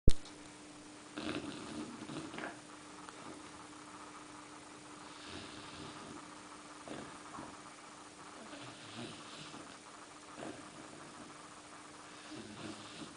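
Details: Four-month-old Bernese mountain dog puppy snoring at night: soft, low, rhythmic snoring breaths during sleep over a steady background hum.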